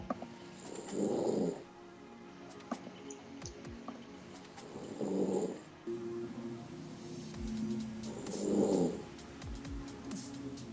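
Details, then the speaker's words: A person snoring loudly in sleep: three soft, rumbling snores about 3.5 seconds apart, roughly 17 a minute, with steady background noise; ordinary snoring. "why does snore so [ __ ] loud"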